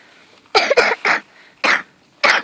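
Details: Whooping cough (pertussis) in a fully immunised 7-year-old girl: five sharp, dry coughs in a rapid paroxysmal run.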